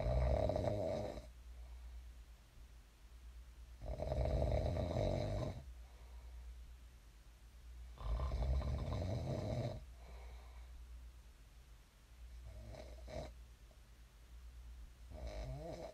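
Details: Loud rumbling snores on each in-breath during sleep, about 15 a minute, with quiet breaths out between them; ordinary sleep snoring.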